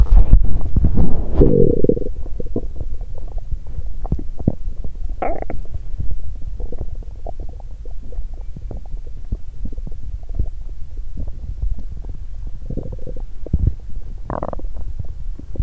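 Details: Belly sounds after exercising on an empty stomach, which caused nausea and loud stomach noises: low gurgling and bubbling with frequent soft clicks and a few longer squeaky gurgles, active bowel sounds.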